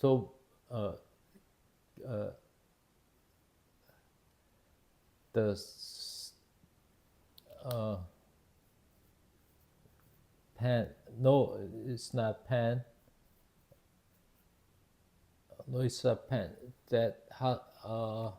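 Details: Man, 52 at his September 2023 ischemic stroke from spontaneous left carotid artery dissection damaging left-hemisphere language areas; initially global aphasia, now Broca's (non-fluent, expressive) aphasia with word-finding difficulty; Korean first language, speaking English; Broca's aphasia.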